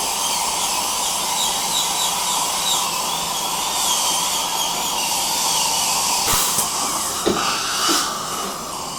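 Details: Steady high-pitched dental drill whine over hissing suction, with brief clicks near the end; realistic dental-appointment ambience for relaxation.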